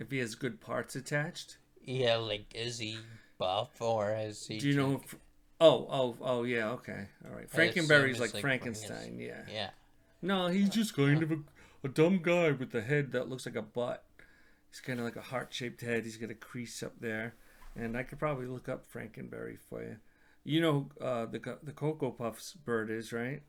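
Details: Adult male speaker, possibly with a second conversational partner; normal speech.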